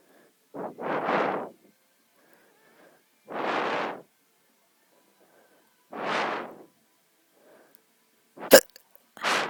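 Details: Four short, breathy jolts a few seconds apart, with a sharp click near the end, while breathing on the camera; hiccups.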